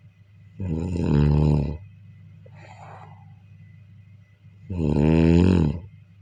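Two deep, droning snores on the in-breath with a soft breathy out-breath between them over a low hum; sleep snoring.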